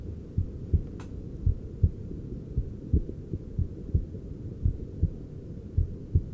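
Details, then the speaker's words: Adult male patient's heart heard via handheld device after cosmetic injections, relaxing as he unwinds, pulse about 50 to 60 beats per minute and respiration settled; normal heart sounds, slow resting rate. "have a feel of your pulse rate and so I can feel our beautiful models heart rate starting to go down and it's about 50 to 60 beats per minute so you have survived your heart has relaxed"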